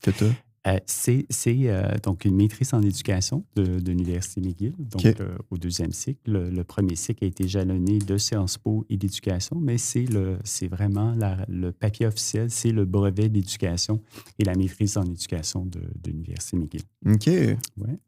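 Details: Adult man speaking French in conversation; normal speech.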